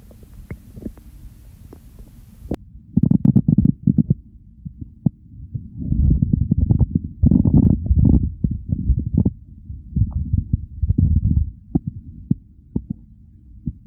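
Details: Hunger segment of a recording that follows the stomach from hunger to overfull and bloating: repeated low gurgling rumbles in bursts with small pops, stomach growling (borborygmi).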